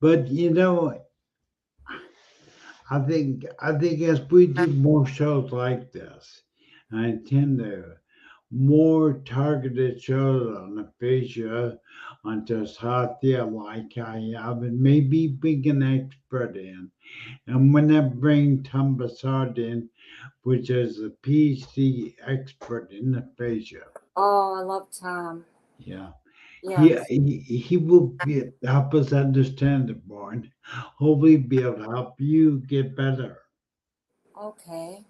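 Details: Adult male speaker, with a brief second voice; speech.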